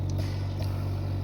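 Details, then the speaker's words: Steady low motor hum of a home oxygen concentrator running at 2 litres per minute, oxygen bubbling through a humidifier water bottle to the patient. "और यह ऐसे जो oxygen आप देख रहे हैं bubble यह ऑक्सीजन ड्राई ऑक्सीजन पानी में जाने के बाद प्योर फॉर्म में ऑक्सीजन बाहर आती है हमारे पेशेंट के"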